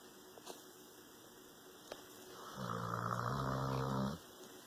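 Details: Dog snoring very loudly while asleep: one low, buzzing snore lasting about a second and a half in a quiet room with faint clicks; snoring.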